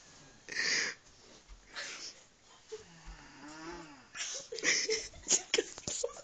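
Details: A sleeping young child snores in their room.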